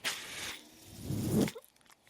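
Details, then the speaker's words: The speaker's own mechanical ventilator, heard while he talks: a hissing rush of air, then a rising mechanical hum and quiet as the ventilator cycles. "My name is. That noise you're hearing is my ventilator."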